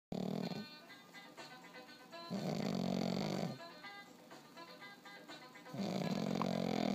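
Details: Pug snoring while napping: loud, rhythmic rattling snores with each breath, about 20 breaths a minute, with faint background music.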